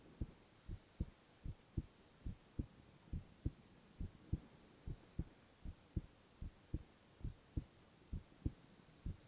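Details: Male ASMR heart-sound recording with no talking: steady lub-dub at about 69 beats a minute over a faint steady hiss; normal heart sounds.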